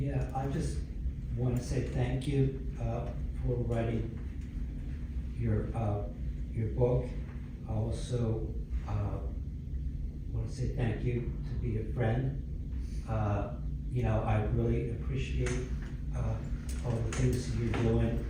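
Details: Adult man; speech.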